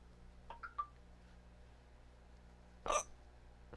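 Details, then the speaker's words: Three abrupt, sharp hiccups in quick succession, then a louder one a couple of seconds later, over quiet room hum; the hiccups are the adult speaker's while waiting for dinner, not the puppy's. "hey hey I got the hiccups so I figured let's do another hiccups video and I got a little puppy with me hey hey buddy you wanna say hi"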